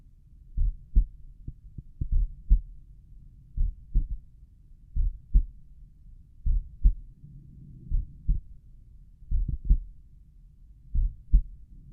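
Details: Self-recorded auscultation at the tricuspid valve area of a slow resting heartbeat: slow, steady paired heart thumps at about 40 beats per minute; normal heart sounds.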